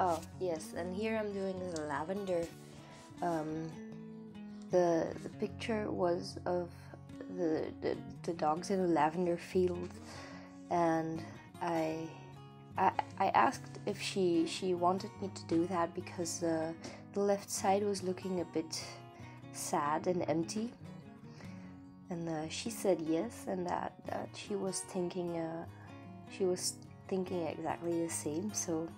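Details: Adult woman, non-native English speaker living in Belgium, with a stutter she says she does not usually have, arising from nervousness about being recorded; word and part-word repetitions, stuttering.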